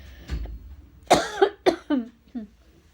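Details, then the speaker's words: A run of four or five short, fairly dry coughs in quick succession, fading in strength, from a person recovering from an illness that left them needing rehydration salts and preventive tablets; cough. "meant to cough in my hand. Hold on."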